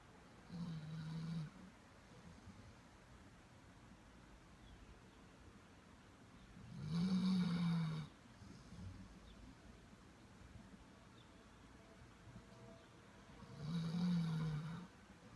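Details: Labrador dog asleep, snoring loudly: three slow, deep, rumbling snores about 6–7 seconds apart, roughly 9 per minute, with quiet room noise between.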